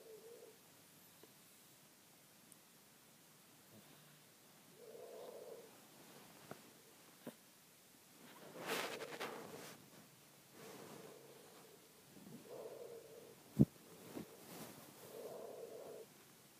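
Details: Soft, faint snoring breaths every few seconds from a sleeping cat, with occasional small clicks and rustles; cat snoring.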